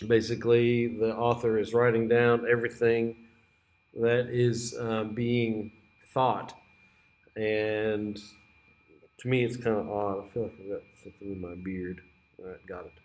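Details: Clang associations of disorganized schizophrenia (strings of similar-sounding words), read aloud by a teacher as an illustrative example rather than by a patient.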